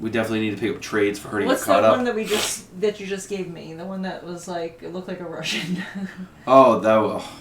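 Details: Adult speaker; normal voice.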